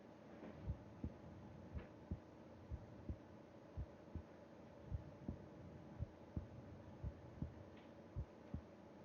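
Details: Heartbeat heard with the ear against the chest of a sleeping person: soft, steady low thumps with faint breathing and room hum; normal heart sounds.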